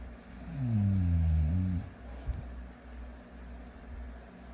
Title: More snoring and more snoring #snoring